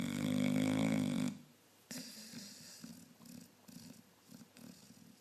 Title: Sid the snoring dog!